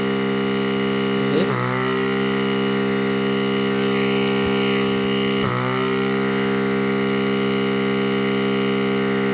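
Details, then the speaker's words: Oxygen concentrator switched on after a major repair, air blowing from the output: steady motor hum with two sharp hissing clicks from valve cycling; running normally. "The air is blowing. It's working fine now. It's working fine."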